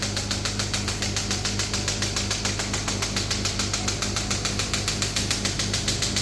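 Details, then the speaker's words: Shock wave therapy machine demonstration, new model, physiotherapy clinic, after changing the handpiece attachment and lowering the bar pressure: steady rapid tapping pulses, about 3 to 4 a second, over a constant compressor hum. "अब मैंने जैसे attachment change कर दिया। मैं बार को कम कर दूंगा थोड़ा। अब मैं स्टार्ट कर"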